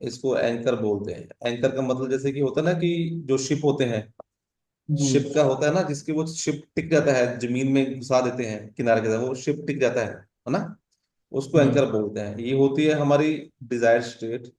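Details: Adult male speaker; typical speech.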